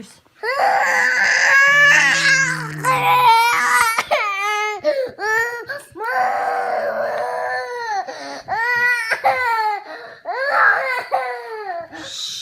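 Loud, high-pitched wailing cry in repeated bursts with brief gasps between, in a small room. Crying of a young child.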